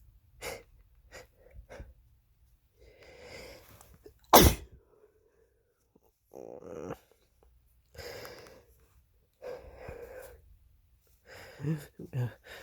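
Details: Adult male with a cold (his third this year): a single loud sharp sneeze with quieter sniffing and breathing around it.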